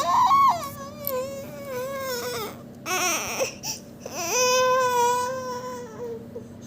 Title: Baby crying